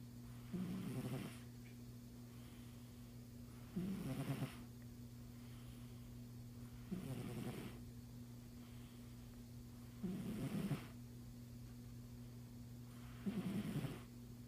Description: Caught in the act -- my cat snoring.